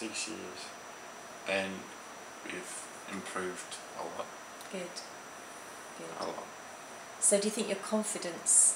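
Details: Aphasia in a young male ischemic stroke survivor who had the stroke as a teenager, at 15, in 2008; hesitant speech with repetitions.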